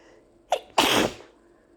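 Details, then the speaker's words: Allergy sneezing after opening windows on a hot summer day, with a nonstop nose tickle for two minutes: a short in-breath, then one sharp, explosive sneeze in a quiet room, with more sneezes still coming. "I still have to sneeze. There's more. No, I still have to sneeze."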